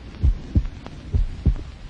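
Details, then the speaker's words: 1930s science film: deep, muffled paired lub-dub thumps at about 65 a minute with a low hum behind, a human heartbeat amplified electrically, described as a million times. "actually it is the sound of a human heart which science can amplify a million times"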